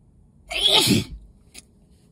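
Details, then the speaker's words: Person sick with an illness and exposed to dust, after holding sneezes in: one loud, explosive sneeze with a sharp hissing burst, then a faint sniff; start of a sneezing fit. "the dust on top of being sick got to me but I couldn't like let it out in front of her because mental block so I was kind of just rubbing up my face and holding it holding it on oh God I'm gonna sneeze"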